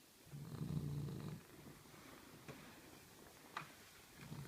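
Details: Cavalier King Charles Spaniel snoring while asleep: soft, low rumbling breath sounds with a quiet snort in a quiet room.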